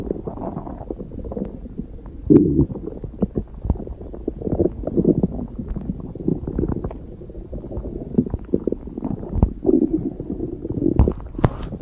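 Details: Stomach growling (borborygmi): irregular low gurgling and rumbling with brief pops, from gas and fluid moving through the gut.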